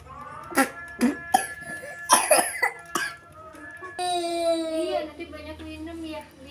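Several short, sharp coughs from a child, followed by a brief whimpering cry; cough with a cold.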